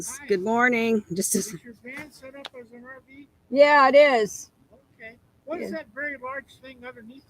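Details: Adult woman speaking, outdoors; Ordinary speech.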